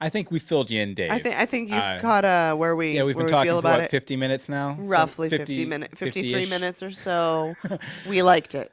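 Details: Adult male speaker; ordinary speech.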